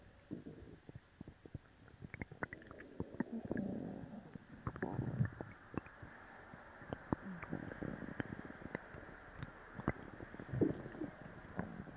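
Continuous low gurgling and bubbling with many small pops and clicks; active bowel sounds after a laxative.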